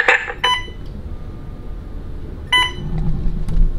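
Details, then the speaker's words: Infusion pump alarm during labor in hospital (IV and epidural in place): short electronic beeps repeating over room noise, signalling the IV fluid bag had only an hour left; nurse silenced it. "so all of a sudden we have this loud beeping we don't know what it's for I broke something"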